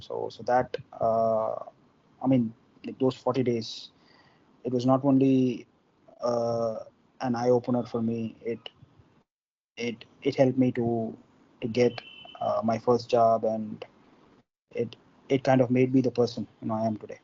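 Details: Adult man from India who stammers, with involuntary stuttering acquired at about age four or five; stuttering.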